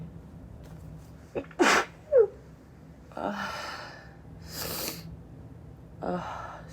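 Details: Woman with repeated sneeze fits she attributes to allergies: a sharp intake of breath, then a deliberately high-pitched sneeze, followed by breathy exhalations and sniffs in a quiet room.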